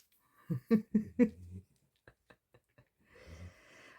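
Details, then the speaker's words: A sleeping pet dog, twitching as if dreaming, gives a short run of snorting, rattly snores followed by a softer noisy breath: snoring. "Oh, sorry about that noise. Dog's snoring. She's actually snoring. Makes a change, doesn't it, to her barking?"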